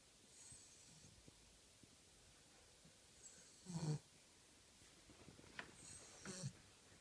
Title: Angus - snoring Cavalier King Charles - sleeps like a human!